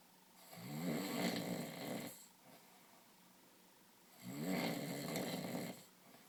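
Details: Two loud, rattling snores on the in-breath, about four seconds apart, with quiet pauses between; ordinary snoring.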